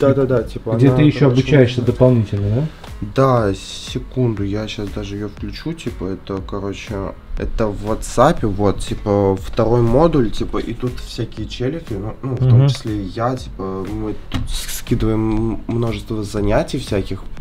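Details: 21-year-old man who has stuttered for 13 years, one month into therapy with a specialist using breathing exercises; stuttering now minimal with some blocks remaining; stuttering.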